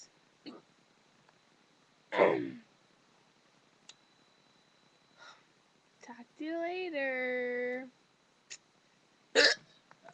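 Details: Female on webcam with hiccups she calls burping hiccups: several abrupt hiccup bursts in a quiet room, with a short voiced sound in between.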